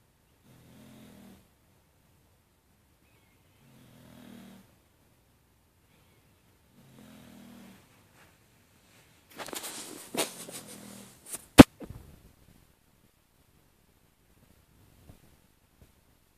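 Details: Snoring during sleep: soft rhythmic snores about every three seconds, then rustling and a sharp knock as the sleeper is woken.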